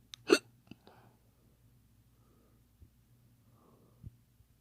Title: Hiccups fake sexy